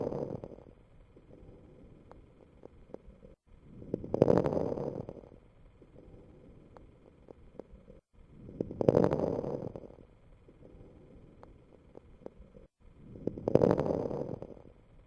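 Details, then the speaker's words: Lung sound recording in a teaching example of fine crackles: slow breathing at about 13 breaths a minute with brief, faint, high-pitched crackling clicks through the breaths. "while fine crackles can be heard in normals particularly after special maneuvers such as factor breath holding at low lung volumes they are usually a sign of disease"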